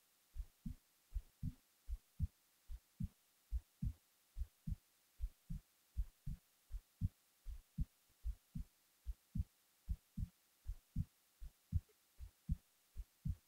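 Steady low thumping heartbeat at about 78 beats a minute, with paired beats and a quiet hiss behind it.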